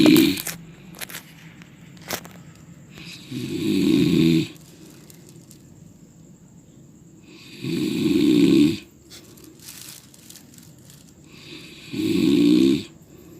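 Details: Loud rattling snores of a sleeping person on each breath in, about 15 a minute, with quiet pauses between; ordinary snoring.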